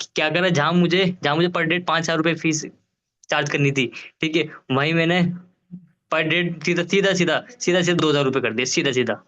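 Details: Adult man who stammers, with audible word repetitions; stuttering.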